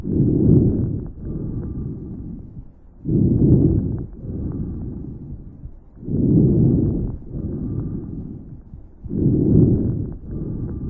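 Soft, low rustling breath sounds, inspiration longer than expiration without a pause; normal vesicular breathing.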